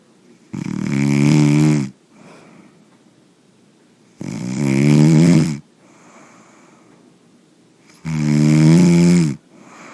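Loud, regular rattling snores on each breath in, about 16 a minute, with quiet breathing out between them.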